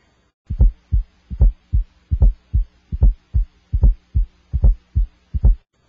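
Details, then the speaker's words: Electronic stethoscope at the apex during a cardiology exam, patient holding breath after exhaling: regular lub-dub at about 74 per minute, no S4 before S1 and no S3 after S2; normal heart sounds without gallops. "I cannot hear an S4 Gallop before S1 and I do not here an S3 Gallop after S2"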